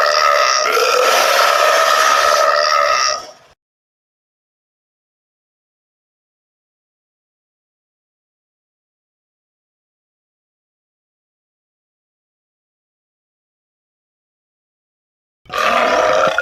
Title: OSS 2: Have A Burping Contest